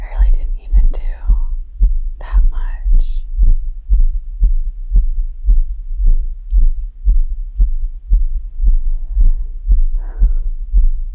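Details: Adult's fast, regular, pounding heartbeat at about 115 to 120 beats a minute after yard work, recovering, with soft whispering early on; exertional sinus tachycardia.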